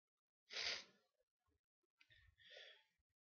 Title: sneezes